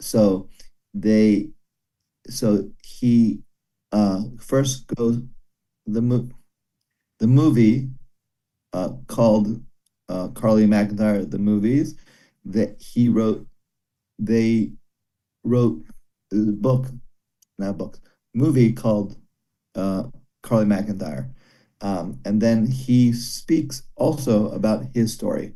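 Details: Broca's aphasia in a man after a stroke during valve surgery; comprehension reported intact but speaking very hard; a single word is repeated many times.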